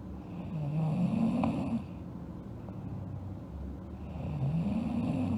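Low, rumbling, fluttering snore sounds over steady background noise, rising and falling with breathing.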